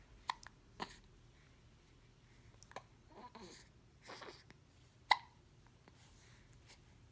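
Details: Baby hiccups: a few sharp, abrupt clicking gulps spaced irregularly, separated by soft breaths, in a quiet room.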